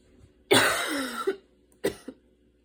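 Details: Evening asthma cough after walking and running outside in the rain, with intense breathing and inhaler use: two harsh coughs, the first long and strained with a falling, tight tone.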